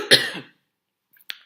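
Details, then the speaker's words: A single harsh cough burst from an adult with a runny nose, fading out, then a faint short sound after silence. "Je tousse, on n'y peut rien."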